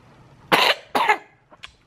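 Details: 14-month-old boy with cough, diagnosed at clinic with common cold and upset stomach: two short, harsh coughs, then a couple of faint small sounds.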